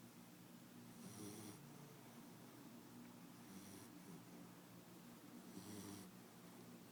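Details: Snoring puppy, described as bulldog/German Shepherd: soft rhythmic snoring about every 2.3 seconds, near 26 breaths a minute, low rumbling on each breath over steady room hiss.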